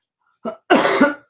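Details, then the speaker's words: Adult who says they are wheezing really bad gives a short cough burst, then a longer, harsher double cough within about a second: cough. "Hi, I'm sorry, but what are we listening to? I'm wheezing really bad."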